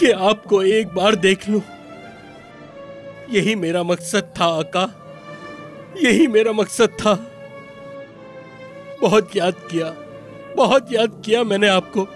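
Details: Adult male, acted; typical speech.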